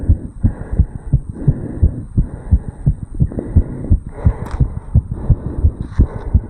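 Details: 35-year-old male, heartbeat recorded in the tricuspid valve area after jogging uphill (second recording): fast, regular heartbeat, a normal effort response after exercise.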